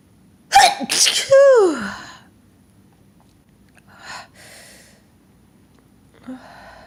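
A quick gasping intake and a loud sneeze burst with a falling voiced tail, followed by two softer stifled sneezes.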